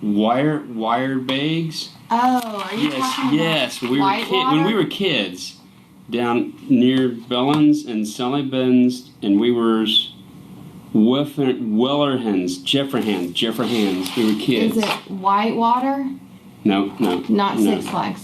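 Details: Adult man with aphasia, with reading and writing among his strengths, speaking with his wife as communication partner; his message is hard to get across; aphasia.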